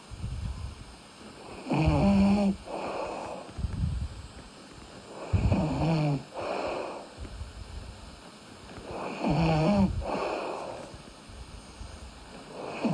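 Loud rattling snores on each breath in, with softer breathing out between them, about 16 breaths a minute: snoring during sleep.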